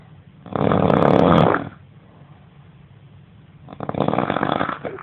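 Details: Adult roommate snoring during sleep, described as insane snoring: loud, harsh, rattling snores, two long inhaled snores a few seconds apart.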